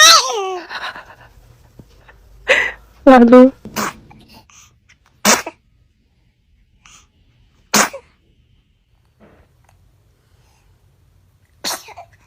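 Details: Several short, sharp sneezes from a baby, with adults saying bless you between them; sneezing.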